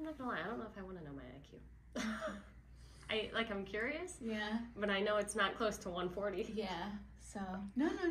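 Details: Adult woman speaking in conversation; typical speech.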